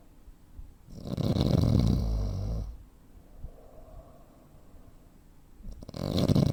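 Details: Real snoring from a 43-year-old man (85 kg, 165 cm), with breathing pauses typical of sleep apnea.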